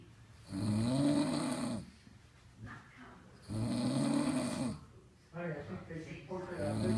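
Repeated low, fluttering snores on each breath in, about 20 a minute, with quieter breathing out between them.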